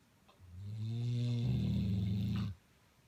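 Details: Male 1.5-year-old English Blockhead Labrador, 103 pounds, snoring: one long, low, rumbling breath with a droning, vibrating tone lasting about two seconds.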